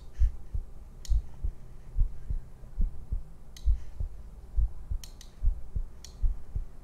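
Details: Heartbeat from a streamer's heartbeat compilation: steady low thumps at about 68 beats a minute with a few faint clicks in the background; normal heartbeat.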